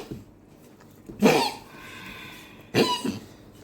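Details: Two harsh, hacking coughs, each with a short follow-on burst, in a quiet room, from a dog whose cough worsened overnight with labored breathing.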